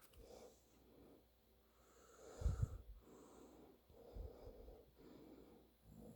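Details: Adult man (father) snoring during sleep: soft, low, rough breathing sounds with a louder snort-like snore midway, recurring every few seconds.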